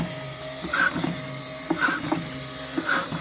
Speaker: Now you can hear it really well. I think it's from the gear. There's some noise developing here, and I'm gonna open it up now and see if there is a lubrication problem, because it's quite an old gear, so I'll check it out.